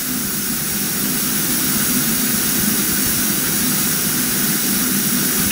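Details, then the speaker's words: Loud, steady rushing hiss of high-flow oxygen from an E-cylinder oxygen tank with an Intelliox duration-calculating regulator, set to 15 litres per minute for a non-rebreather mask in a demonstration. "let's put them on a non-rebreather 15 liters per minute"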